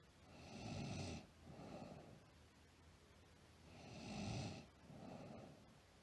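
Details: Sleeping girl: soft rattling snores on the in-breath, each followed by a gentler out-breath, about two breaths heard; ordinary snoring during sleep.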